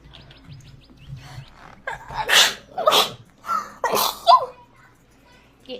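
Several sharp explosive bursts in a row, fitting a run of sneezes, with quiet room noise between.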